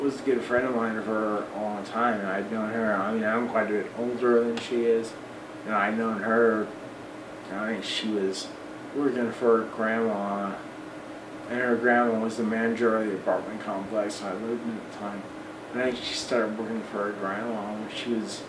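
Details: Adult of almost 40 with Friedreich's ataxia; voice worse than 10-12 years ago, talking more of a struggle, harder to get words out over the last 6 months or so; ataxic dysarthria.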